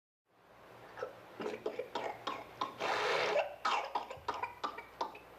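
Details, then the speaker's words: Child in the paroxysmal stage of pertussis: a rapid run of repeated coughs broken by a long, harsh inspiratory whoop, caused by strong inspiratory effort against a closed glottis. "the sound of a whoop and the misery of a child with full-blown pertussis is something you do not quickly forget once you have seen it"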